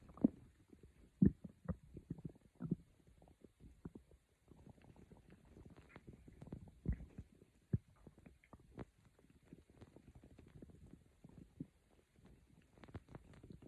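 Quiet, scattered low gurgles and soft pops over faint background hiss, consistent with mild normal stomach growling.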